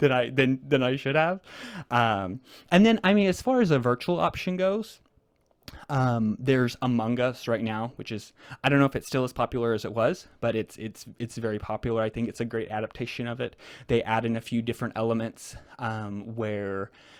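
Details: Adult male guest who stutters, speaking naturally in a real conversation; stuttering with whole-word repetitions.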